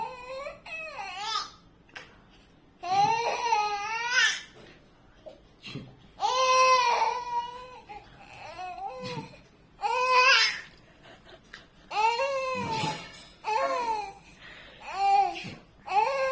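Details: Infant crying: repeated wavering, tonal cries and whimpers with short pauses, about 17 a minute, in a small room.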